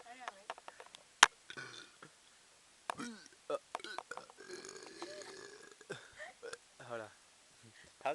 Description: you guys wnated a burping video here you go, its kinda not that loud, but oh well wait till the end and youll see!